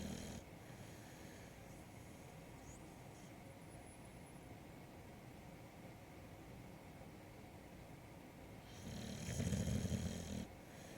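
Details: A sleeping dog snoring: quiet, steady breathing noise, then a louder, rattling snore near the end.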